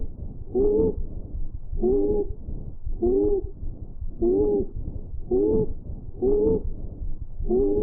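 Musical, whistling tones repeat with each breath, about 53 a minute; wheezes from narrowed airways.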